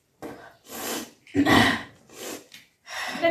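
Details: Several forceful, gasping retching heaves with pauses, from an adult performing kunjal kriya (yogic vaman dhauti), deliberately vomiting swallowed salt water; retching.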